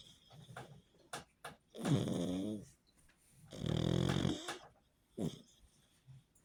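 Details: Snoring in a sleeping pug: rumbling, fluttering snores and snorts on each breath, separated by quieter snuffles, with background music.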